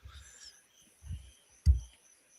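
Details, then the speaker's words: Soft, muffled catches of breath lead into one sudden, sharp explosive burst that quickly fades: a single sneeze from an adult during a conversation. "They said that that sneezing is the way of you getting demons out of your soul. And that sounded like a very demonic sneeze right there."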